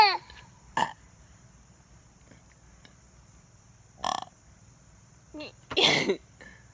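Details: Infant exploring new sounds by burping: several short, throaty belch sounds mixed with baby vocal noises in a quiet room.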